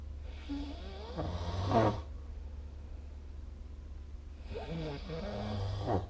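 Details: Two loud, rumbling, fluttering breaths a few seconds apart over steady room hum, recorded with the SnoreLab snoring app; snoring during sleep.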